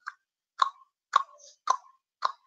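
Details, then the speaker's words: Five evenly spaced mouth clicks, about one every half second, imitating the clicking type of Korotkoff sounds heard while taking blood pressure with a cuff in CNA exam teaching; Korotkoff sounds (clicking type, imitated). "you know there there are several different types of quarter cough sounds one sounds like the a knock like this others will sound like a okay like that some may sound like a clicking"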